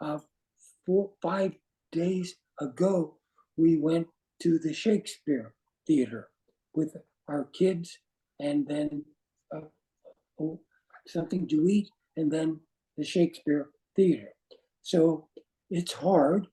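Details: Aphasia after stroke in an adult man, with words not flowing and difficulty with instant word choice.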